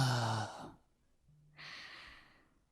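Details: Patient with vocal fold immobility, suspected unilateral paralysis, with incomplete glottal closure and aperiodic asymmetric vibration; purely breathy with little sonority and no diplophonia, noise prevailing over harmonics; grade 3 breathy voice.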